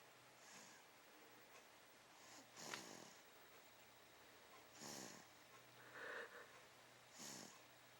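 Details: Dog snoring while sleeping: soft, airy snoring breaths with a few snorting sounds over a steady low hum.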